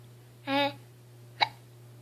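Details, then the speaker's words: A 3.5-year-old boy with ongoing hiccups, sounding gurgly and struggling to talk and breathe, gives a short voiced gulp and then a sharp click-like catch about a second later; hiccups. "How come it sounds like you're gurgling? You're having a hard time talking and breathing. What is it? I still have hiccups."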